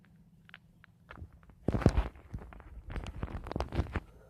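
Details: Adult stomach: irregular low gurgles and squelching bursts as gas and fluid move; ordinary bowel sounds (borborygmi).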